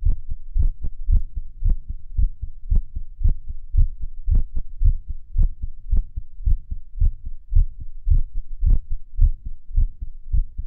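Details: Own heart recorded near Erb's point lying prone while listening to favourite music: low thumps near 110 a minute with uneven spacing, faint music underneath; an irregular heartbeat.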